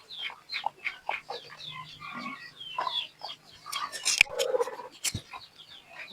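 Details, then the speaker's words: Snoring respiratory rales in a chicken that got rained on and also has white diarrhoea, pale and very weak: repeated short raspy, rattling bursts. "Terus ini tadi saya dengarkan ngorok ini. Ah, ini ngorok. Ngorok dan berak putih ini."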